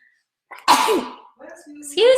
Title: Celebrities sneezing for 17 minutes straight